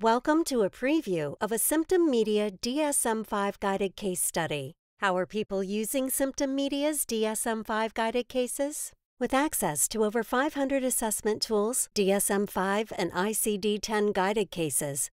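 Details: Adult female narrator; normal speech.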